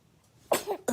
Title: Funniest Baby Sneezing Moments - Cute Baby Video